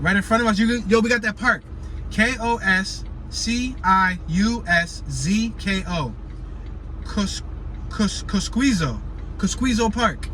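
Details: Adult man who says he has a speech impediment and stutters, learned partial control over the past year but still gets stuck on certain words such as names; stuttering.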